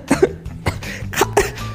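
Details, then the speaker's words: An adult male gamer gives a short run of about four or five dry, sharp cough bursts with faint game music behind; he says he has a cough while recording: cough. "मगर मुझे तरास आ रहा है यार आज voice record करने का, इसलिए तुम मेरी खांसी सुन लो आज।"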